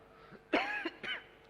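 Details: Adult man, the Solo mayor, gives one sharp cough then a smaller cough or throat clear while reading a budget explanatory note aloud at a city council plenary session.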